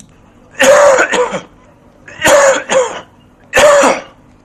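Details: Three voluntary coughs, the first two each a quick double cough, from an adult TB-positive patient, recorded with studio microphones at a Cape Town primary health clinic in fairly noisy conditions; cough in tuberculosis.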